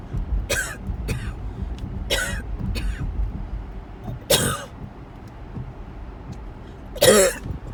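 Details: About six harsh coughs in close succession over road and engine noise, one of a series of attacks during a car ride to the emergency room; coughing fit.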